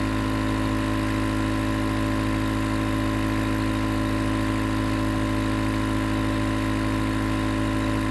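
Steady mechanical hum with a fast regular buzzing pulse, the continuous sound of a running nebulizer compressor.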